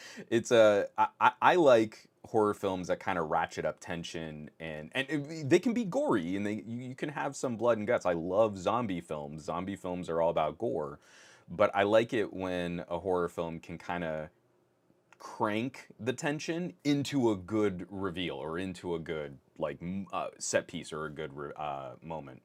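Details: Adult male podcast host who says his stutter is starting to kick in; stuttering with word and part-phrase repetitions.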